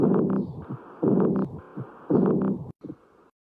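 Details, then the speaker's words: Heart sound shared as a tricky case for medical students: cycles at about 57 per minute, each with a long, loud, rough sound and softer thuds between; abnormal heart sounds. "Learn hard sounds with me. This one was tricky."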